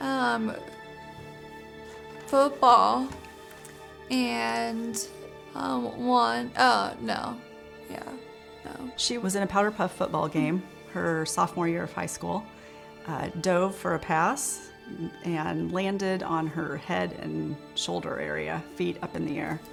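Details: Aphasia in a teenage girl after a stroke at age 16 that damaged the brain's communication area, affecting speaking, reading and writing; short, halting fragments; initially mute after coma.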